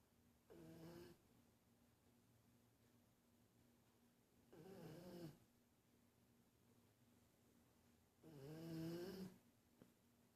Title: Snoring